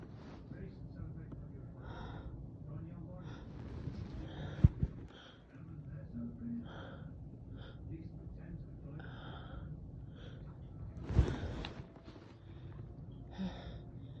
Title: Girly sneezes with buildups (f)